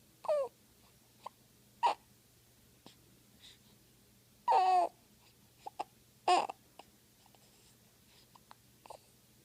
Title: Baby hiccups